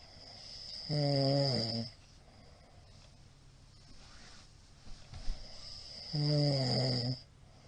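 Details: Heavy snoring in a middle-aged man asleep, recorded 28 March 2022: two loud, rumbling snores on the in-breath about five seconds apart, with quiet breathing between them.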